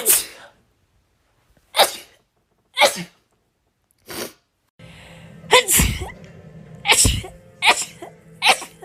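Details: Female with a painful nose who says she urgently needs to sneeze: about nine sharp, explosive sneezes in quick succession over faint background music; repeated sneezing.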